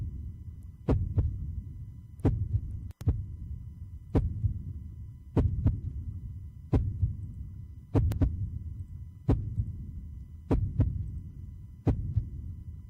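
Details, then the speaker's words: Sharp paired heart thumps over a low hum, about 45 beats a minute, a regular drum-like normal human heartbeat played as an example during a sermon. "Esse é o som do coração humano. Lembra o quê? Tambores. Você reparou? É o pulsar."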